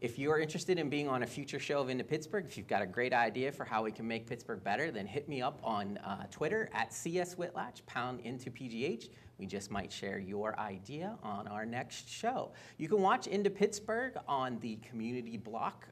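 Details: Adult male speaker; typical speech.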